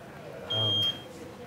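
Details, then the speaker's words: Bedside patient monitor alarm in an ICU at King's College Hospital, possibly from a loose lead; patient's pulse 78, called normal: a single steady electronic beep over quiet room noise. "why is your thing beeping somebody will"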